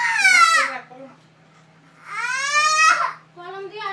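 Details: A little girl cries in loud, high-pitched wails while her ears are pierced; crying in pain.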